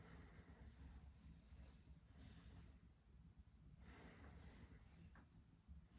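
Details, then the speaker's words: A first-year medical student auscultates the left lung with the stethoscope diaphragm during long deep breaths: soft, rushing breath sounds without wheeze or crackles, normal vesicular breath sounds. "lung okay it's normal"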